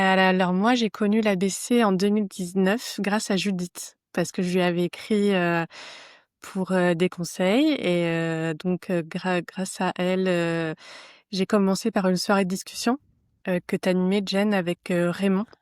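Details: Stuttering in an adult woman who stutters, speaking French; she first met other people who stutter at age 32 or 33.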